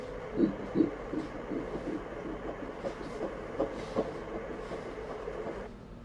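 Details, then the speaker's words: Early pregnancy ultrasound after a natural-cycle embryo transfer, in a patient with prior myomectomies and hysteroscopy; gestational sac seen: fast rhythmic whooshing Doppler pulses over steady hiss, around 160 a minute, a normal fetal heartbeat. "Daha doğrusu bakın şimdi şurada kalp atışını görüyoruz."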